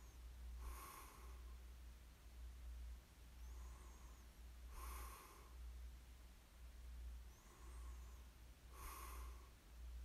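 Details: Light snoring in sleep, ASMR recording: soft, regular breathing noises about every four seconds with a faint snoring rasp, over a steady low hum.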